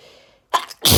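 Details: Sharp explosive sneeze after a brief intake, part of a rapid run of repeated sneezes — rapid, desperate allergy sneezing fit.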